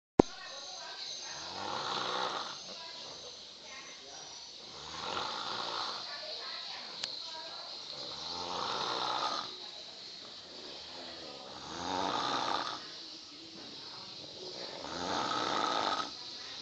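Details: Loud, rattling snores on each in-breath, about 18 a minute, with quieter breathing between them: snoring.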